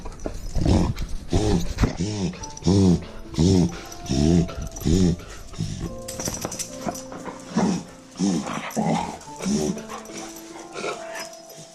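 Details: Female beagle having a reverse sneeze attack lasting about 20 minutes, with rapid repeated honking snorts drawn in through the nose while her owner pets and reassures her; reverse sneeze.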